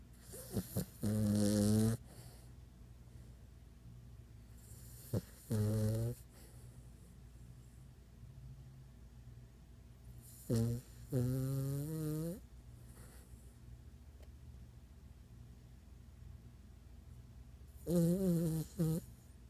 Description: He's a loud napper:)